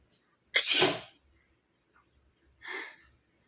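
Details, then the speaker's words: One loud, sharp sneeze, then a softer breathy exhale, from a woman doing a sneezing challenge by poking a tissue corner into one nostril. She says this nostril triggers it faster and expects her nose to start running; induced sneeze. "तो दोस्तों आपको कैसा लग रहा sneezing challenge, और पसंद आए तो लाइक ज़रूर करना। इसी नाक से करती हूँ एक बार और, इसमें जल्दी आ जाती है। लगता है थोड़ी देर में नाक बहने लगेगी।"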